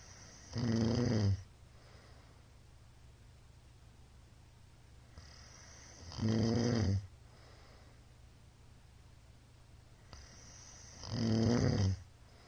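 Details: Loud, rattling snores from a middle-aged man on each breath in, about 12 breaths a minute, with quiet breathing out between; a short nightly snoring recording from 21 March 2022.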